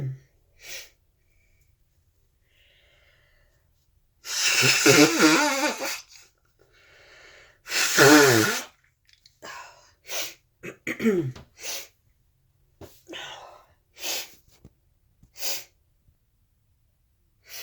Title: Snotty hanky sneezes 🤧🤧🤧